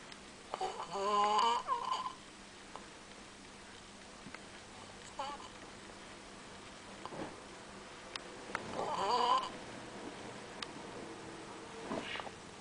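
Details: Two loud, rattling, somewhat tonal snores about eight seconds apart over quiet room noise, a person snoring during a trip in Valencia.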